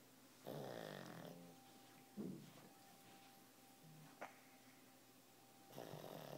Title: Pug snore